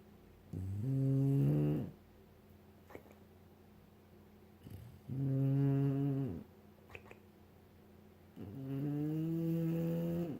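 Three long, rumbling, voiced snores about four seconds apart, roughly 14 a minute, with quiet room noise between.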